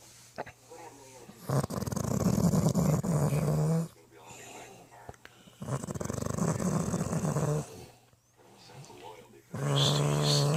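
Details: Person who claims not to snore: three long, loud, rattling snores about every four seconds, with quiet breathing out between them; heavy snoring.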